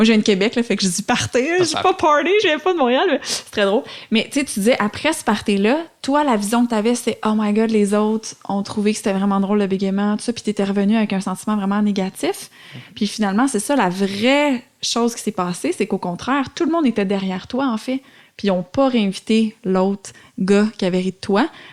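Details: Adult woman speaking French; fluent speech.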